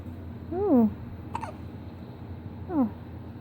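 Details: Newborn girl, one week old, with her first hiccups: two brief, squeaky catches of the voice a couple of seconds apart in a quiet room.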